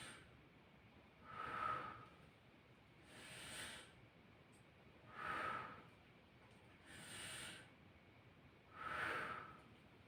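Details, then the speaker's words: Stethoscope over the posterior thorax of an adult male, breathing in and out through the mouth, in a nursing student's demonstration exam: soft, even breath sounds at about 16 a minute with no added noises; normal breath sounds. "so this is done to assess the airflow from your air passageways okay so this time mr patrick i need you to inhale and exhale using your mouth"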